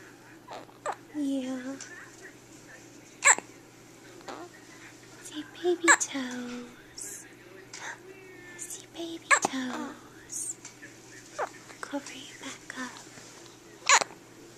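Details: A newborn a few hours old with her first hiccups after birth, likened to a little puppy: sharp, abrupt bursts at irregular intervals, about five in fifteen seconds, with soft voice sounds between; hiccups.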